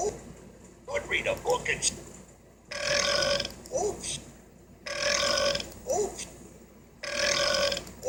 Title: Burp burp and more burps!